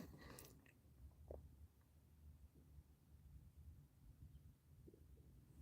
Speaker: Yeah, my stomach is like rumbling because I haven't eaten today, so I am hungry. I need food.